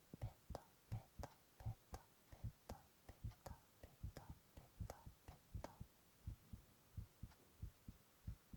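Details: Male ASMR recording of his own heart sounds with whispered onomatopoeia: regular soft low thumps about 80 a minute, faint whispering in background; normal heart sounds.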